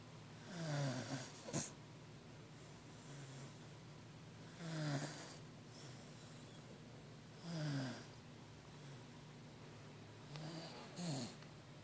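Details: Regular rumbling snores with snorty catches, about 20 a minute, loud enough to wake the owner; an animal snoring in sleep.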